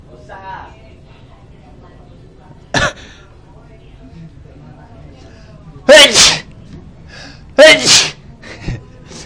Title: Sneezing Attack